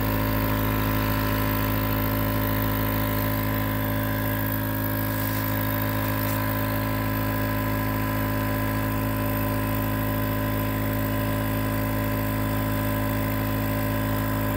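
Steady mechanical hum with a constant hiss, the continuous sound of a running nebulizer compressor.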